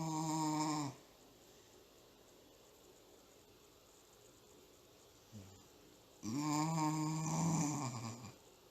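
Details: Sleeping dog snoring loudly, like a grown man: two long, deep, droning snores separated by a quiet pause; snoring.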